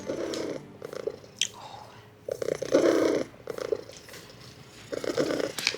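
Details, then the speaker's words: Loud rhythmic purring through a stethoscope during heart auscultation of a thin, underweight surrendered ginger cat, completely drowning out the heart sounds. "Listen to the purr in this cat's chest. It's ridiculous. If you can hear a heartbeat out of this, you're a better nurse than me."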